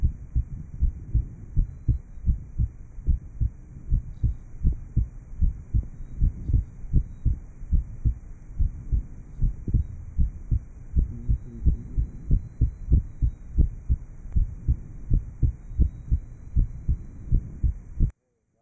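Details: 1955 Johns Hopkins heart sound laboratory recording of a patient after inter-atrial septal defect repair, taken at the aortic area, pulmonic area and lower left sternal border; post-operative heart sounds.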